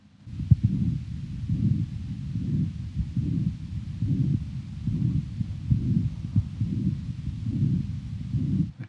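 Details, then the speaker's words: Young man with mitral valve prolapse sitting forward, stethoscope over the back: regular heartbeat near 69 a minute with a rushing systolic murmur radiating to the back; mitral regurgitation murmur. "now sometime these murmur of mro Val prolapse which this is can radiate into the back very well and if we sit him forward and have a listen to the back around about here one can um hear the Mur very well"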